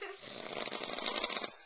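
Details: Father snoring: a single loud, rattling, fluttering snore lasting over a second.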